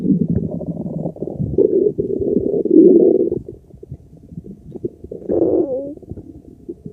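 Long, loud gurgling and rumbling from the abdomen with a squeaky bubbling gurgle near the end; normal digestive bowel sounds.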